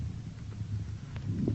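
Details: Lung auscultation under the left collarbone; soft, low-pitched rustling breath noise over a brief stretch: normal vesicular breath sounds.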